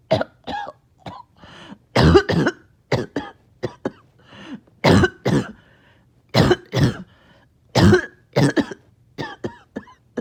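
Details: Repeated harsh, wet coughs in clusters, with throat clearing and gasping between: a productive cough clearing phlegm after a breathing treatment, part of nearly 40 minutes of painful mucus elimination, with choking on phlegm.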